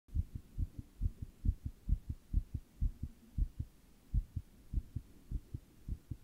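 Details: Own heart recorded while sitting in 100 degree heat during a heatwave: rapid, regular low thumps at about 135 a minute; tachycardia.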